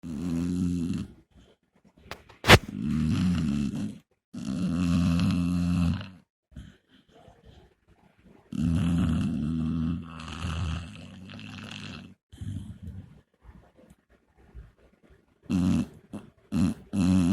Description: My buddy's pitty is snoring on the couch next to me.